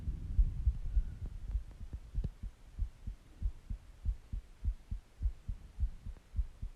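Steady paired lub-dub thumps at about 95 beats a minute after a second of muffled rumbling; a regular heartbeat.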